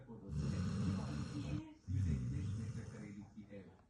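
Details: Sleeping golden retriever dog snoring: two long, loud, low rumbling breaths, each over a second.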